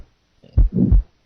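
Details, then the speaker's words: Mid-systolic murmur added to a heart beating 60 times per minute, in a teaching sequence of early, mid, late and pansystolic murmurs. "listen now to a heart beating 60 times per minute then a murmur will be added in the systolic period early mid late and pan"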